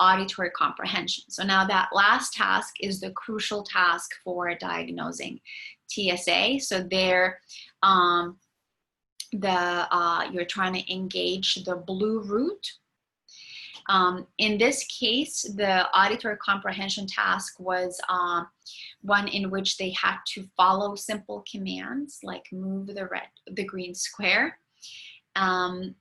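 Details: Adult lecturer; typical speech.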